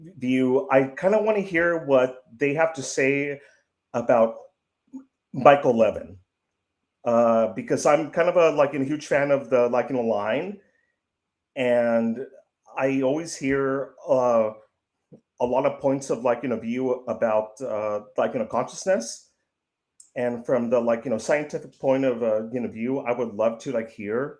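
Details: 55-year-old man who self-reports that he stutters. Finding: stuttering.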